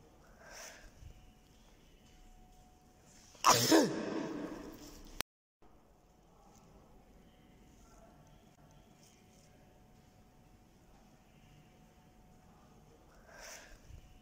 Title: #39 Sneeze Sounds Effect_Sneeze Male Sound Effects All Sounds_Sneeze Sounds Effect